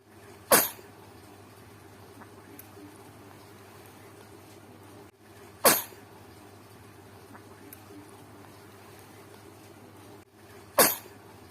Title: bayi bersin . baby sneeze